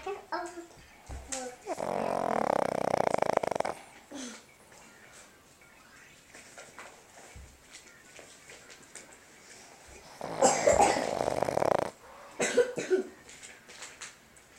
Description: My snoring boston terrier dog who keeps up at night because her snoring is so loud